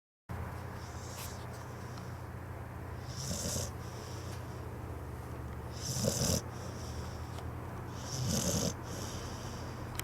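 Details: A sleeping pitbull snores with rhythmic rasping, about one snore every two and a half seconds, over a steady low room hum.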